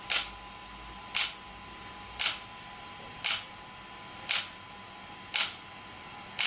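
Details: Shock wave (ESWT) therapy device for muscle and bone pain relief in use: sharp, regular clicking pulses at about one per second over steady room hum.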